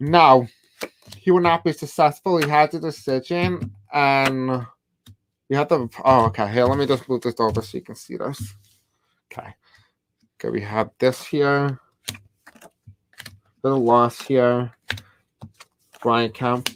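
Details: Adult male host who states he has a deaf accent and difficulty pronouncing certain words; deaf speech.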